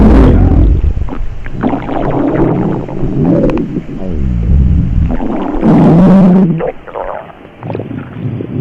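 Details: Sound-effect recording of upset, sick stomach noises: loud gurgling, squelching and warbling rumbles; stomach rumbling.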